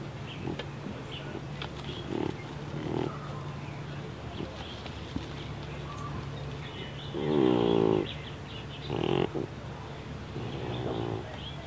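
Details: Awake deaf cat with neurological and breathing problems snorting like a pig: loud, rough, pig-like snorting noises with its breaths, snoring-type upper airway noise (stertor).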